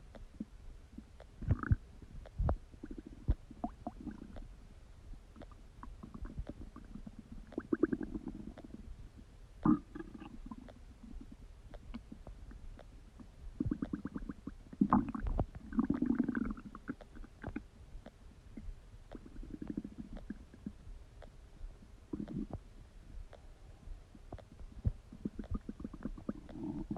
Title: Stomach Digesting Sound | My Stomach Makes Noises